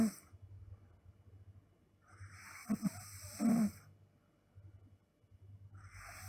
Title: Sleeping Girl Snoring (SNDK)